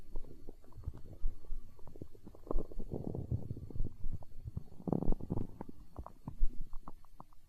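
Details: Stomach growling in hunger, tagged as empty-stomach sounds in an ASMR recording: low, irregular gurgling rumbles from the belly, ordinary borborygmi from gas and fluid moving through the gut.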